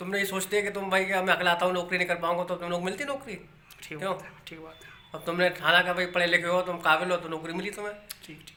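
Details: Adult male speaker; no speech disorder.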